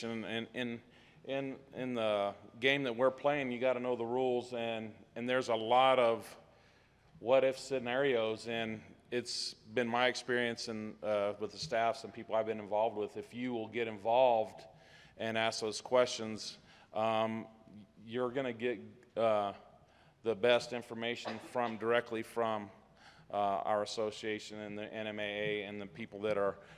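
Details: Adult male speaker; normal voice.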